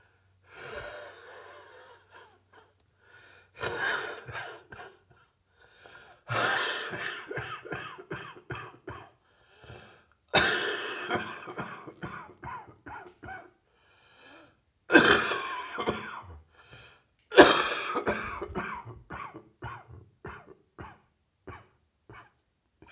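Repeated bouts of heavy, harsh coughing, each trailing off into a run of shorter coughs, with a chest cold.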